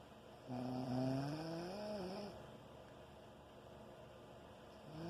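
A long, loud, buzzing snore whose pitch rises and falls, nearly two seconds long, then quiet until the next snore begins. Loud snoring.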